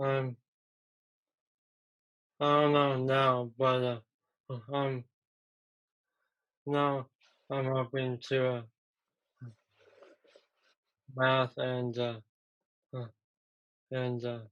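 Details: Young man who had a stroke at age 15 from a ruptured arteriovenous malformation and was left in a coma; three years later he has trouble getting words out but not with understanding; nonfluent aphasia.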